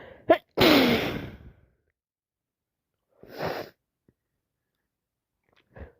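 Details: Adult with a worsening cold, in a work staff room: a sharp intake then a loud wet sneeze, followed by a softer sneeze or nose-blow burst and a faint sniff.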